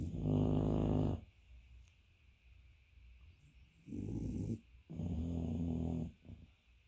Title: blurry snore dogs